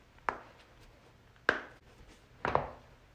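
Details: Three sharp cracking pops about a second apart, joint cracking (cavitation) during a back adjustment; loud back crack compilation.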